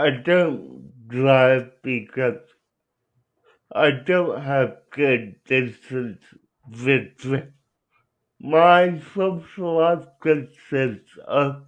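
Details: Young adult man with cerebral palsy who uses a wheelchair; dysarthria due to cerebral palsy.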